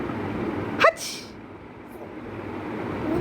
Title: how did you sneeze